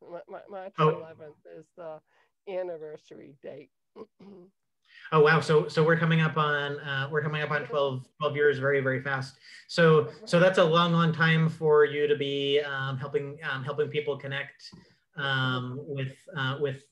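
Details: Adult man who identifies himself as a clutterer; cluttering.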